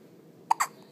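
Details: Two-day-old newborn boy in hospital, awake: a single sharp, brief hiccup with a quick double catch against quiet room noise; ordinary infant hiccups.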